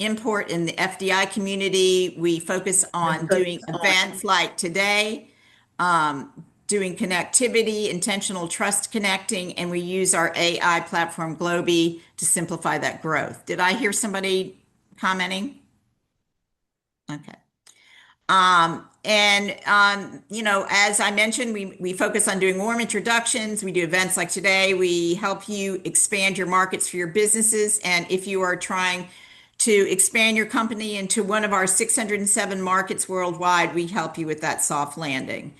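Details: Adult woman speaking; normal speech.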